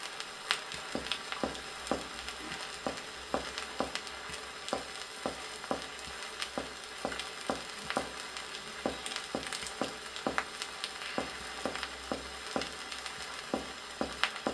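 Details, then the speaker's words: Vintage 1961 teaching record on pleurisy: comparative lung percussion in a patient with exudative pleurisy, sharp taps giving a clear lung note on the healthy side and a dull note over the effusion, with old-record crackle. "прослушайте сравнительную перкуссию лёгких у больного с экссудативный плевритом на здоровой стороне определяется Ясный лёгочный звук и тупой звук над"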